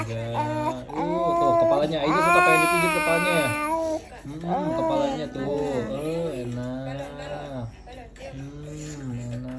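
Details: Baby with cough and cold crying during a baby massage: loud, sustained crying in repeated wailing bursts, faint background music, an ordinary upset cry.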